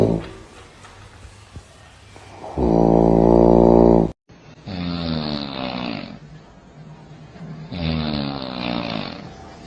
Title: The funniest snoring sounds 😂 #snoringsounds #snoring #memes #tiktokvideo